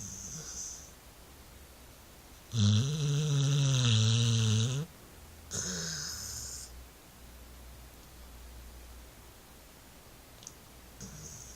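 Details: Sleeping dog snoring like a grown man: one long, loud, buzzing snore, then a shorter, softer one over quiet room noise.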